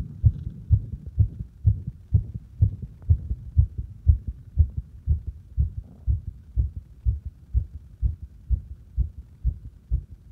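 Regular low thuds of the heartbeat heard at the apex, about 62 beats a minute, recorded with firm stethoscope pressure.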